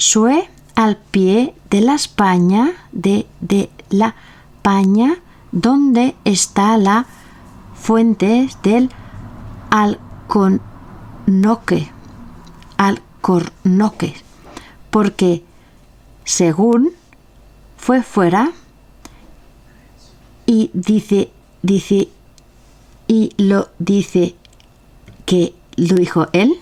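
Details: Aphasia in a member of an aphasia association (Afasia Activa), recorded reading Don Quixote chapter XII aloud in Spanish for a virtual reading event.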